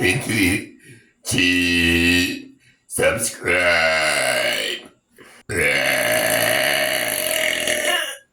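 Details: Several long, loud, deliberate voiced belches in a quiet room; repeated voluntary burping.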